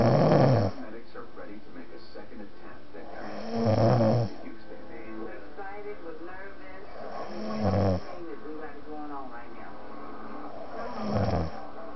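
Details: Loud, rumbling snores during sleep, recurring about every 3–4 seconds, roughly 16 per minute, with faint background sound between; very loud snoring.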